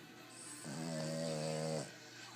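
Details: Snoring in a sleeping Boston terrier: a single drawn-out snore with a whining, musical tone over steady room noise, while he sleeps showing his little teeth.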